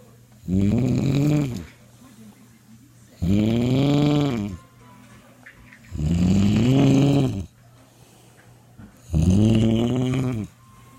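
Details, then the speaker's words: Adult man (dad) snoring loudly, heard from the living room, likened to a shaver or a pig; sleep apnea suspected by family; snoring. "My dad's snoring like a shaver or a pig. He's so loud. I can hear him from the living room."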